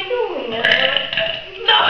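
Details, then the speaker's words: A long, low, rumbling, throaty belch, then a louder second push; a deliberate burp made during a friends' burping competition. "Gente, agora a gente vai ter uma competição de arroto. Aqui estão os nossos participantes."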